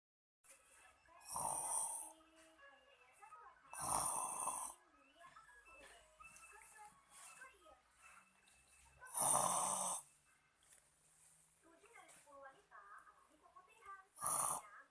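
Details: Snoring that a young child is frightened by: loud, harsh, irregular snores every few seconds, with quieter rattling breaths and faint background sounds between them; snoring.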